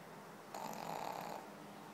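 One soft, fluttering snore lasting about a second against quiet room noise; ordinary snoring in a sleeping small dog.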